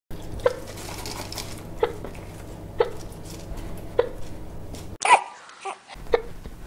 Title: Hiccups & Emotions